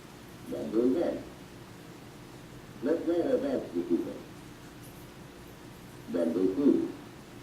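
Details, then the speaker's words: Simulated high-frequency hearing loss: speech sentences filtered to remove high-frequency tones, heard as muffled, dull male speech in short bursts with crisp high sounds missing. "you will experience speech as it would sound if you have some high frequency hearing loss yourself"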